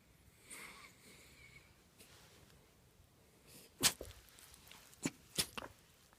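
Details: Long-haired red miniature dachshund sneezing: soft snuffling, then three sharp, explosive nasal bursts in quick succession in a quiet room.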